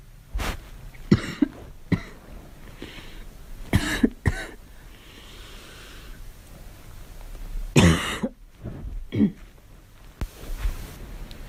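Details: Girl's voluntary, performed coughs: several separate dry coughs and throat clears in a quiet room, done on purpose rather than from illness.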